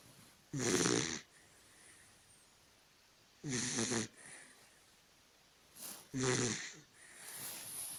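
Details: Sleeping Dachshund snoring: three loud, rough, rattling snores about three seconds apart, each followed by quieter breathing out.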